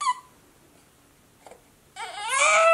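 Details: Baby girl crying despite her father trying everything to soothe her: a brief squeal, a pause, then a rising high-pitched wail; ordinary infant crying.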